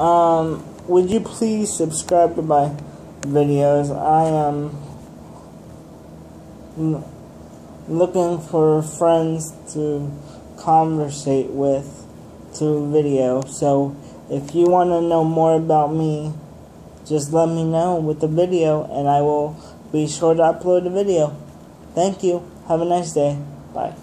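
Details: Dysarthric speech in a man with cerebral palsy.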